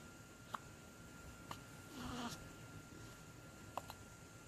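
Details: Infant hiccups on the 3rd day: three short, sharp catches about a second or more apart, with a brief soft vocal sound between, against quiet room hiss.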